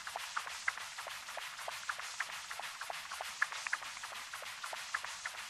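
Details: Cat with hypertrophic cardiomyopathy and mitral stenosis: continuous-wave Doppler across the mitral valve gives harsh, hissing flow with rapid pulsing beats, showing mitral stenosis with mitral regurgitation.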